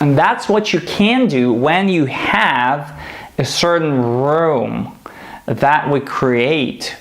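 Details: Demonstration of a stuttering "training speech" phrase launched on airflow with controlled stresses, aimed at people who stutter; fluency-shaping speech technique for stuttering.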